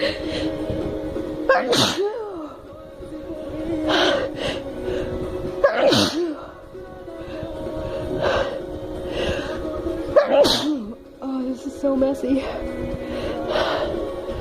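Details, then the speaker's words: Female with a tickly nose after sniffing snuff; several sharp sneezes, each with a quick breath in before it, over background music. "hey let's see if i can get like a double or a triple out with the paper towel also since my nose is so tickly anyway"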